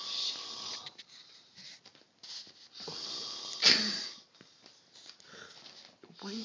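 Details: Uncle snoring loudly at 4:30 a.m. on New Year's Eve, asleep and not woken by poking or talking.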